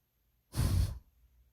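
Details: Coco, a female mixed-breed puppy born December 2020, snoring in deep sleep (occasionally snores): a single low, rumbling breath about half a second long.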